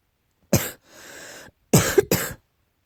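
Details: One harsh cough, a wheezy breath in, then two more quick coughs; repeated coughing, tagged allergy.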